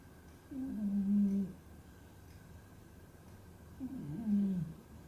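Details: Pet cat asleep; two slow, low-pitched rattling snores about four seconds apart over quiet room noise: snoring.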